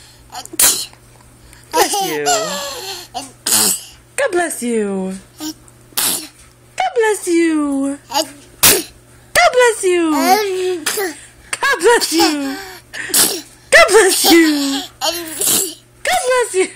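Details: A baby boy fake-sneezes for attention and laughs, having learned it because he finds sneezes funny: repeated short, sharp sneeze-like bursts with giggles and babble as an adult says "God bless you."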